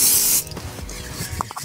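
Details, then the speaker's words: A short, loud hissing spray burst, then quiet handling noise: an aerosol spray-on liquid bandage applied to the wound of a tranquilized whitetail deer-farm buck right after antler amputation, once a tourniquet had stopped the bleeding. "now what we're to do is take this as a spray-on band-aid"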